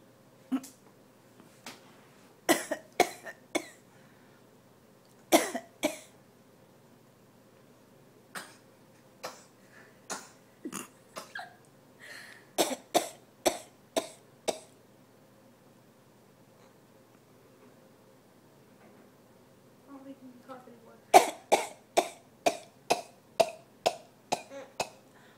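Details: A young boy gives many short, sharp, deliberate coughs in quick runs, playfully faking it and not ill; voluntary cough.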